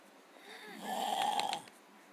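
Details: A single rising, whistling snore with a few brief crackly bits near its end, from a sleeping brother who normally never snores; snoring.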